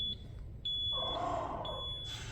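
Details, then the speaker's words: Zoll pressure-regulated transport ventilator with no patient connected: the patient-detached alarm sounds as loud, repeating, high-pitched beeps, a ventilator disconnect alarm. "because it is it is a very loud beeping alarm so turn it on and then let's say if I'm going to turn it off patient attached to it it's going to say there's your arm patient detective"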